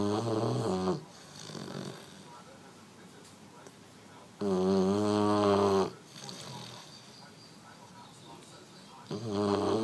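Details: 11-week-old French Mastiff (Dogue de Bordeaux) puppy snoring like a human: loud, rumbling snores on each breath, about 12 a minute, with quiet breathing between.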